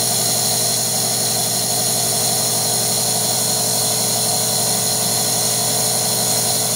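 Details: Steady loud mechanical hum and buzz of a compressor nebulizer running continuously, delivering vet-prescribed vaporized medication to a guinea pig with a minor upper respiratory infection; nebulizer running.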